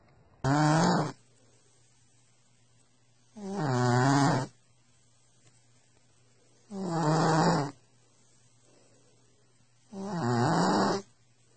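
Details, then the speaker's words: Sleeping animal: loud, rattling snores about every three seconds, roughly 18 a minute, with quiet pauses between them. "Somebody's a snorer."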